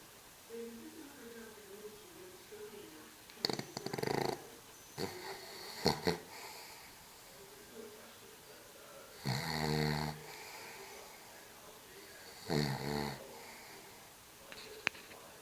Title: Awesome Snores from HRH Cavalier King Sam